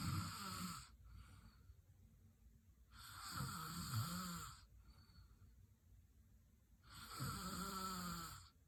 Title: Loud snoring 😤